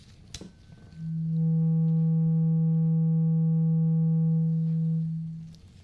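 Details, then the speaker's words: Simulated ASMR roleplay medical exam hearing test: a soft strike, then a tuning fork's steady pure low hum ringing about four seconds before fading; the patient is asked which side, left or right, they hear it. "I have a tuning fork, and this tuning fork is going to make that sound. So I want you to tell me what side you hear the tuning fork."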